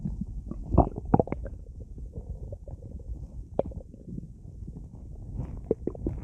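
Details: Active bowel sounds while lying in bed after drinking a lot of soda: frequent low gurgles, rumbles and squelches from the belly, some louder pops; stomach growling.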